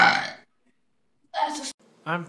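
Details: Compilation clip: a few short, throaty belching sounds separated by silence: burping.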